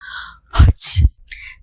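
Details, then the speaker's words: Acted sneeze in a Tamil pharmacy advertisement: a sharp two-part sneeze with a quick in-breath before the burst, from a character describing morning sneezing, afternoon runny nose and night-time cough. "Usha இப்படியே நான் தும்பிட்டே இருந்தேன்னா பக்கத்துல இருக்கவங்களுக்குல்லாம் notification போகுதுடி."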